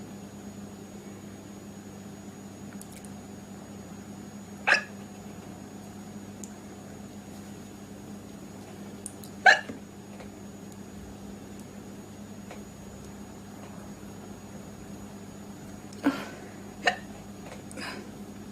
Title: Cute girl with hiccups